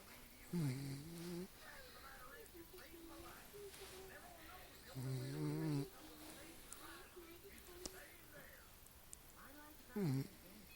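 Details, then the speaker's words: Dog sleeping on owner's lap, snoring: three low, drawn-out, grumbling breaths spaced several seconds apart over soft room noise. "Roscoe. You snore, buddy. You snore, buddy."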